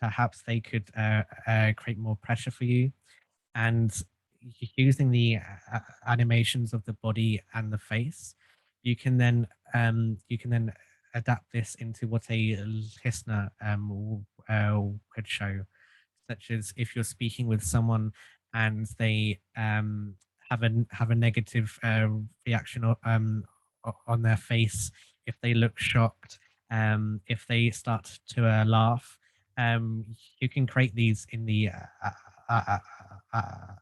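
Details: Adult male who has stuttered since childhood and received group speech therapy; stuttering.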